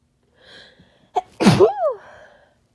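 A quick in-breath, then one harsh explosive sneeze trailing into a voiced sigh; sneezing with a common cold.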